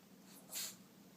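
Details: A Maltese dog trained to sneeze on command gives one short, quiet, breathy nasal burst against a faint room hum; a sneeze on command.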